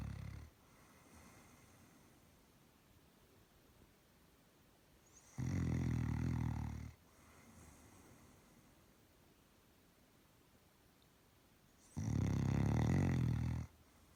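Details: Loud rumbling snores on each breath, about one every six seconds, with quiet breathing out between; ordinary snoring in a sleeping Doberman dog.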